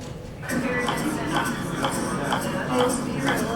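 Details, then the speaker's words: Repeated sharp clicks at roughly 125 a minute from a total artificial heart pump, demonstrated at a vendor stall at a heart-lung transplant conference, over background room noise; normal pump operating sound. "Did you hear that clicking with the pump?"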